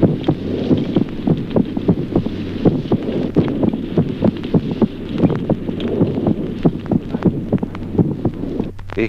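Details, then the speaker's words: Teaching heart-sound recording of a child: quick, regular paired normal heart sounds whose spacing shifts slightly with breathing, showing respiratory sinus arrhythmia. "Ejemplo segundo, signoscultatorios normales en el niño. Arritmia respiratoria"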